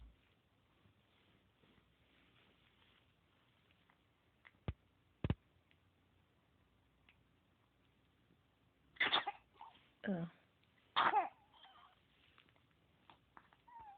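Three short explosive bursts about a second apart in a quiet room, after a couple of faint clicks; brief coughing expulsions.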